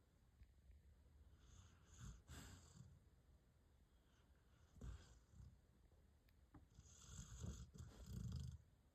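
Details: Snoring in a sleeping golden dog: soft, low, rumbling breaths repeating irregularly.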